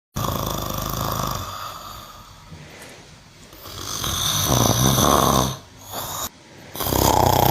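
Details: Snoring from a cow (tagged cow/buffalo, market, Asia): loud, rough, rumbling breaths with a low fluttering vibration, rising and falling in long cycles.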